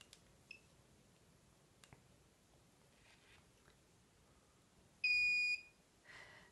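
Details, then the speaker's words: A few faint clicks of button presses, then a single clear half-second electronic beep as a T34 McKinley syringe driver (testing pump) is switched on or off. "this is a testing pump I have to press yes but you normally don't need to do this and then it will self calibrate this is completely normal just wait a few seconds the screen will always tell you what to do"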